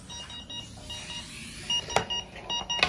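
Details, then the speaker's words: Repeating electronic alarm tones from a Breas Vivo 65 home ventilator on a valveless circuit with an external leak port; the circuit-disconnect alarm sounds and then clears when the patient is reconnected. "my disconnect and my alarm is now resolved"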